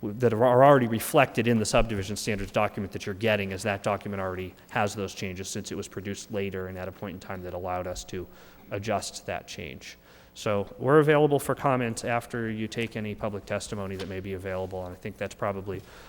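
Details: Adult male speaker; Normal voice.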